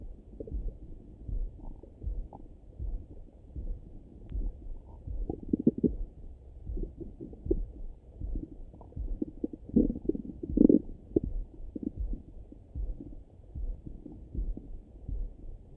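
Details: Own stomach rumbling in the morning heard through a stethoscope: continuous low gurgling and bubbling rumbles, ordinary bowel sounds (borborygmi).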